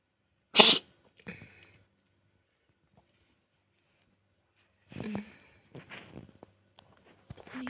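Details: Cat with a large belly (owner thinks she may be near giving birth) suddenly coughing, then hiding in a stockroom: a sharp hacking burst, then softer throaty huffs and snorts; owner fears she may vomit.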